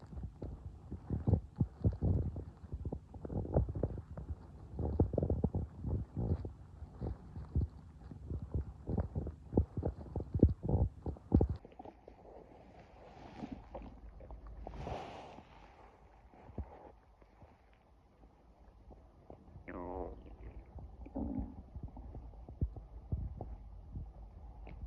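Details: Low gurgling, rumbling and squelching stomach noises, some when hungry and some after eating; normal bowel sounds (borborygmi).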